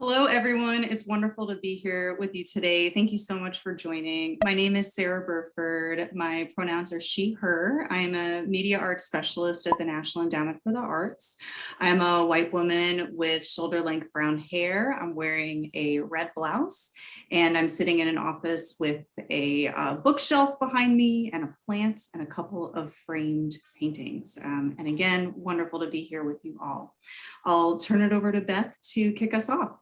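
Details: Adult woman; typical speech.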